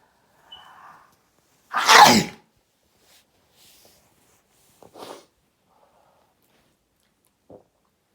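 One loud explosive sneeze after a short intake of breath, followed by faint sniffs.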